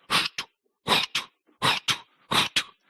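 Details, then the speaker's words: Vocal imitation of an aortic stenosis murmur, heard over the second intercostal area: a harsh, rushing murmur in a steady rhythm. Given as a teaching example of aortic stenosis in an elderly hip fracture patient before surgery. "you can listen here in the second intercostal area you can hear an aortic stenosis it always sounds like that"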